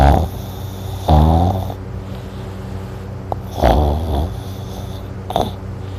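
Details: Loud, rough, rattling snores on each in-breath every two to three seconds, with drooling while snoring and steady low hum between; heavy snoring.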